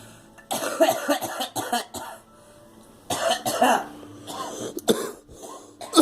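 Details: A girl coughs repeatedly in short bouts, with forceful, partly voiced coughs and brief pauses between; cough.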